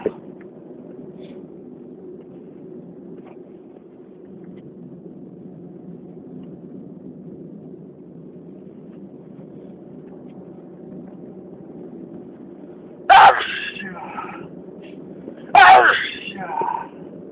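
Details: Two sharp, explosive sneezes a couple of seconds apart over a steady low background rumble; the first allergy sneezing attack of the year, in spring.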